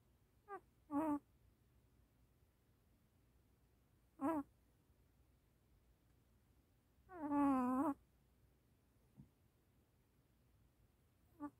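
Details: Baby puppy sleeping, giving soft brief whimpers and one longer whine: sleep vocalizations.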